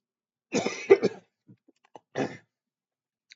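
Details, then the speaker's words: Adult teacher with a hoarse throat gives a short cluster of coughs, then a single throat-clearing cough after a pause, during a chemistry lecture. "मेरी आवाज़ थोड़ा कम आ रही होगी क्योंकि मेरा गला बैठा हुआ है, सॉरी।"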